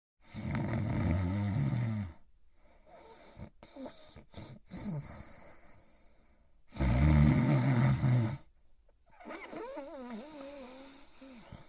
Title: Itchy Itchiford Sleeping & Snoring In His Bed Part 2